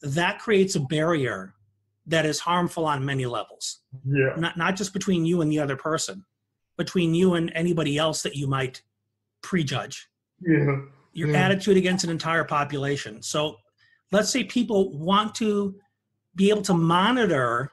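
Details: Adult male speaker; typical speech.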